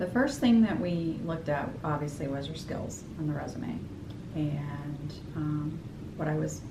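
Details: Adult woman speaking; typical speech.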